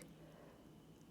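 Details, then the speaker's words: Older female dog with a sensitive stomach and a stomach bug, in pain and lying resting in her bed: low, steady, loud gurgling stomach rumbling (borborygmi). "And you can tell because you can hear her stomach rumbling very loud."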